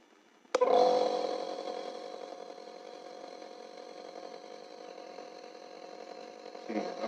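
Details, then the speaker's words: Home compressor nebulizer being switched on, with adjustable output (more open gives more airflow): a switch click, then the steady buzzing hum of the small air compressor running. "अगर आपको ज्यादा interest चाहिए तो दें आपने इसको ओपन कर देना है तो ये ज्यादा हवा लगा और पास करेगा अगर आपको क्लोज कर देते हैं तो ये थोड़ा सा स्लो हो जाता है और कम और और आउटपुट करता है"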